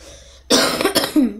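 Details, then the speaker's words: Adult with a very sore throat gives a short run of three or four harsh cough bursts after a moment of quiet room noise. "Excusez-moi pour que vous entendez me tousser."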